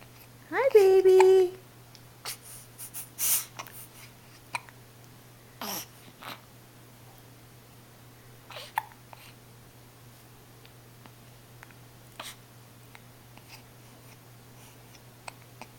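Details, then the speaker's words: Hiccups: brief vocal squeak, then soft, irregular hiccup jerks and clicks over several seconds in a quiet room. "Hi, honey. Someone got hiccups."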